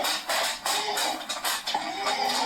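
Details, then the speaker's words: Sleeping dog with inspiratory stridor from upper airway obstruction (laryngeal paralysis, edema, foreign body or mass considered): harsh, high-pitched noisy breaths from turbulent airflow; some noise is toenails on laminate floor. "So here is an example of the stridor. It's a high-pitched, harsh sound caused by turbulent airflow in the upper airway, and this dog is having this whilst he's sleeping."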